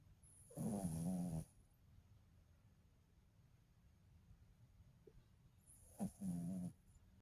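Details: Sleeping pet dog, a female said to snore very loudly sometimes: two loud, rattling, buzzing snores with a quiet pause between them; snoring.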